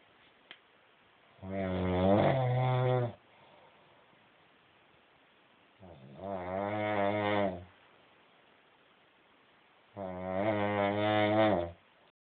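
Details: Adult woman snoring in sleep: three loud, rattling inspiratory snores about every four seconds with quiet pauses between; heavy snoring.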